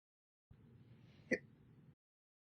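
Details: One abrupt, short hiccup over quiet, low background noise, audio only; slow hiccups occurring after breakfast and dinner.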